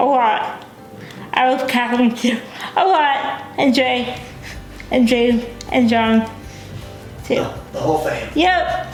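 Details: Dysarthria in a young adult woman with cerebral palsy, a brain injury before birth; she uses a wheelchair, has limited fine motor skills and says she is sometimes hard to understand.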